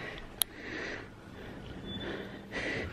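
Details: Severely disabled person with flu congestion, normal temperature, weak cough despite nebulizer and manual chest therapy: quiet, snuffly congested breaths with a sharp click, upper airway mucus congestion.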